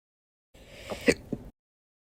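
A single abrupt gulping catch with a sharp click, followed by a faint second sound: a hiccup.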